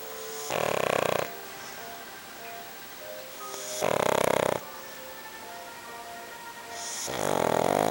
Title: Kuri the pug sleeping / snoring